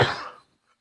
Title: Macho Sick? Cough Cough Edition